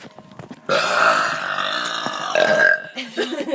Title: More random burping!!!